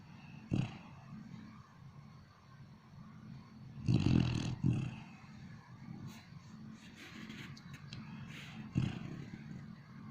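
Irregular low rumbling snorts and breathy rattles from a sleeping dog, separated by quieter breathing; snoring.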